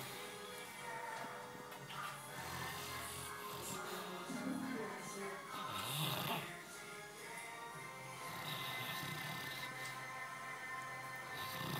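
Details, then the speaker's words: Sleeping dog snoring, perhaps dreaming, with rough, bleating breath noises partly masked by background music. "Olha, ele tá roncando. Ele tá sonhando com você que tá te matando."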